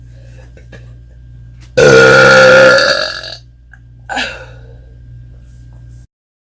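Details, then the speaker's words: Deliberate, playful burping on camera: one long, loud, voiced belch lasting over a second, then a shorter second burp over steady room hum. "Have you ever wondered what it's like to burp in an alien's face? Well, today's your lucky day."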